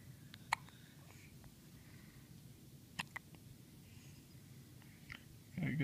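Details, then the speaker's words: Three-day-old newborn girl with hiccups after her first good feed: a few brief, sharp, irregularly spaced hiccup sounds in a quiet room; ordinary, harmless newborn hiccups. "he seemed to have established that this is the new normal life with hiccups your mom is dying over here laughing"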